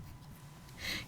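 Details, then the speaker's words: Snoring from a man who fell asleep nearby, caught as background on a recording. "제가 기사에 있는 동안 우리 아저씨가 코를 골면서 잠이 들어서 코 고는 소리가 다 들어갔는데"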